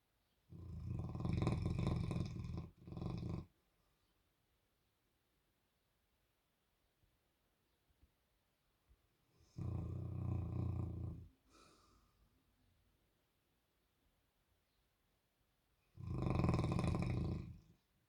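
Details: Deep, loud, rumbling snores from Albert, a sleeping Bernese Mountain Dog with his tongue out, also dreaming; three long breaths with quiet gaps, about ten breaths a minute; snoring.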